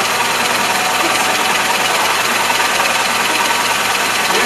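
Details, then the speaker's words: Hayek biphasic cuirass ventilator in secretion-clearance mode, demonstrated on a person: loud, steady, rapid buzzing rattle like a sewing machine as high-frequency chest oscillation drives back-and-forth gas flow to loosen secretions, more intense than a vest, before cycling into cough assist. "The device oscillates at a high frequency which creates a back and forth gas flow of the secretions. the same thing that vest tells you, but this is much more intense."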